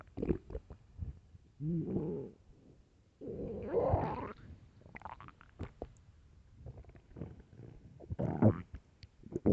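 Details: Loud hunger stomach growling: gurgling, rumbling and squelching bursts with bubbly pops between them; borborygmi.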